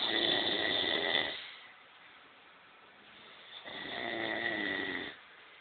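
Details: Two long, raspy snores on breaths in, with a quiet pause between them; ordinary snoring.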